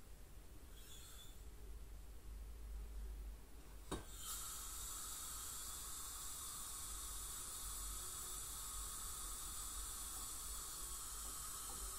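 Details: Professional teeth cleaning by a dental hygienist on a patient with heavy plaque and tartar, possibly scaling with gingival inflammation or full mouth debridement: steady water spray and suction hiss with a faint high whine, consistent with ultrasonic dental scaling.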